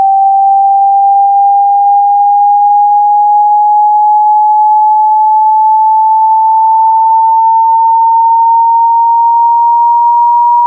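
A single steady pure tone rises slowly in pitch over about ten seconds, a frequency sweep used to screen hearing.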